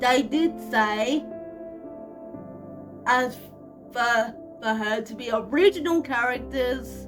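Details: 25-year-old woman with cerebral palsy, real, speaking casually to camera: dysarthric speech in cerebral palsy.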